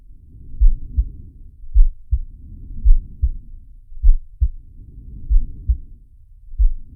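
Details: Animated cartoon shark character's heartbeat and breathing sound effect, not a real recording: paired low thumps at about 53 beats a minute, soft whooshing breaths rising and falling between them.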